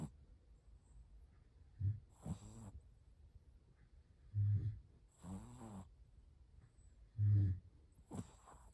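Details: Shih Tzu puppy snoring while asleep: soft, low snorting snores on each breath, about three breaths in eight seconds, in a quiet room.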